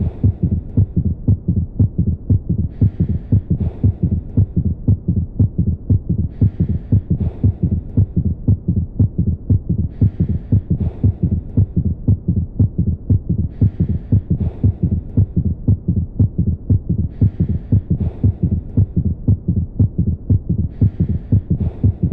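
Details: Cardiac auscultation teaching clip of an S3 (third heart sound) gallop: steady, regular low heart thumps with an added soft third sound after each beat, giving a galloping rhythm.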